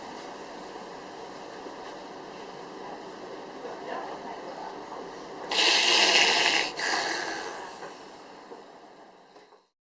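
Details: Agonal breathing (gasping): a sudden, harsh, noisy gasp after quiet, with no regular breathing rhythm. Any abnormal breathing like this is a reason to start CPR.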